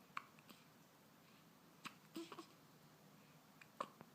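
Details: Infant hiccups: faint, brief clicking catches against quiet room hiss, a few seconds apart.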